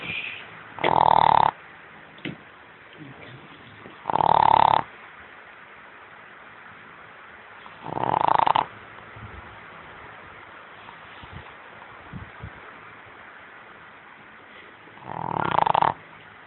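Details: A sleeping dog having a good snore: four loud buzzing snores, roughly one every four seconds, with quiet pauses between them.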